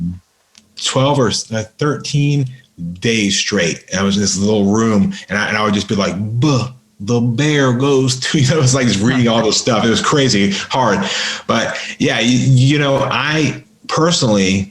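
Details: Adult man with a lifelong severe stutter, worked on intensively, including 12 or 13 days of practice at a speech school, speaking in a podcast conversation: stuttering.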